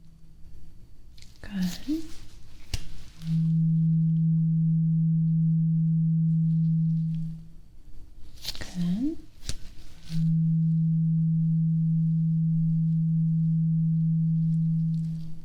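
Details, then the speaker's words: Simulated ASMR medical exam roleplay hearing test: an A2 tuning fork struck twice, each a steady low pure hum lasting several seconds, the listener asked to say when the sound stops. "So, I want you to tell me when you hear that sound. Okay? Actually, I want you to tell me when you don't hear the sound anymore."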